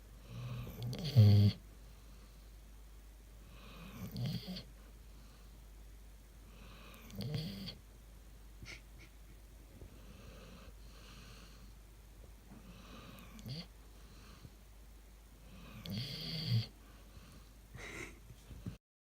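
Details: Sleeping dog snoring, one clip from a compilation of a week of frequent snoring: slow, regular low breaths about one every three seconds, with a rough, slightly wheezy edge.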